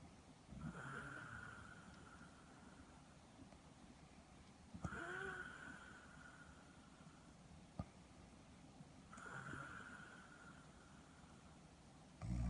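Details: Loud, rattling snores with a whistling edge at about 14 a minute, with quiet breathing between; snoring in sleep apnoea syndrome, with CPAP referenced.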